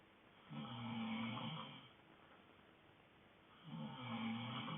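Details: A sleeping dog gives two rattling, low-pitched snores on inhaling, separated by quiet breathing, in a quiet room: snoring.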